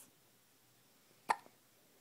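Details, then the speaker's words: 2-week-old baby with hiccups: a single short, sharp hiccup in a quiet room. "Somebody has the hiccups again. So I just ate breakfast. Now I have the hiccups."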